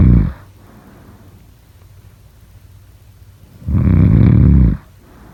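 Deep, loud, rattling snores on inhalation, one at the start and one about four seconds later, with quiet breathing between them.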